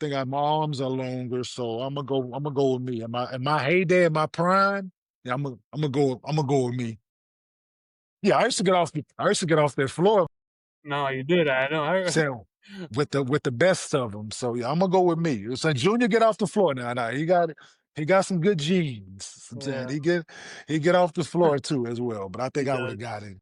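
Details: 47-year-old man, former professional basketball player, with stuttering since childhood; his father also stutters; he uses longer answers to avoid stuttering.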